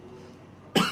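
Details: Father coughs and is laughed at: one short, loud adult cough burst after a quiet stretch of low room noise.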